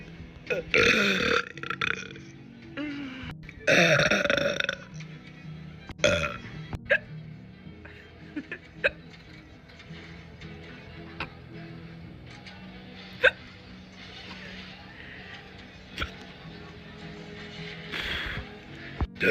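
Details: Several loud burps early on, then scattered short hiccup-like clicks over faint background music; hiccup burps, burping.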